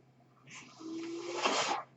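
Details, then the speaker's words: Sound of the speaker's own mechanical ventilator during recorded speech, which the speaker identifies as the noise heard: a mechanical ventilator breath cycle. "My name is. That noise here is my ventilator."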